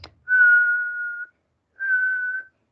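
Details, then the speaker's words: Vocal imitation of a wheeze: two steady, pure whistled tones demonstrating the whistle-like sound in a physical-exam lecture, linked to airway obstruction from bronchoconstriction, as in possible asthma. "Por ejemplo, si escuchamos una sibilancia, que es como que fuera un silbido,"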